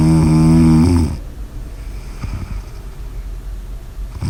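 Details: One loud, rattling inhaled snore followed by quiet breathing noise; snoring.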